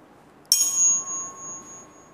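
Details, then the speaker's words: Sharp strike then high sustained ringing tone slowly fading from a tuning fork placed on the right mastoid bone in a bone conduction hearing test; hearing normal. "Jadi kita minta dia menyebutkan kapan terakhir bunyi itu mampu dia dengar setelah kita getarkan dengan garpu tala. Baik, kita cobakan."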